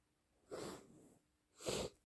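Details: Loud wet sneezing, possibly induced, with suspected allergies: a breathy intake followed by a sharp, explosive sneeze burst in a quiet room.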